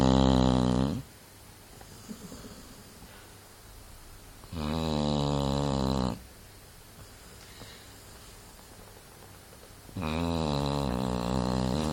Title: snoring dog